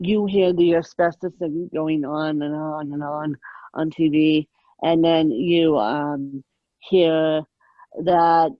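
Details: Adult woman with moderate ataxic cerebral palsy present since birth, attributed to lack of oxygen at birth; ataxic dysarthria in cerebral palsy.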